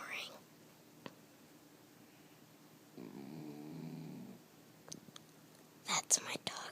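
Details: Sleeping dog making a single weird, drawn-out, rough rattling snore about 1.5 seconds long, quiet room noise with a few clicks.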